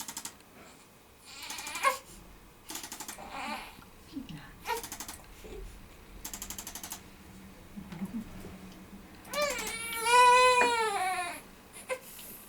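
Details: Emily, a 3-month-old premature triplet girl (3 weeks corrected age), constipated, cries during a chiropractic adjustment held over the shoulder; short fussing builds into a loud infant cry with rising and falling pitch over background music.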